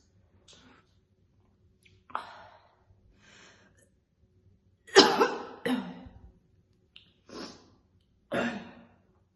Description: She keeps the cigarettes in her mouth for a long time almost without using her hands and coughs heavily throughout the video. Lots of strong coughing and occasional spitting.